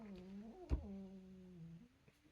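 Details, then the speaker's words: A pet's low, steady, buzzing, drawn-out snore in a quiet room while it sleeps nearby during a beer review: snoring. "he hear that he's snoring see I told him i r view send him asleep he's snoring don't think you pick that up right"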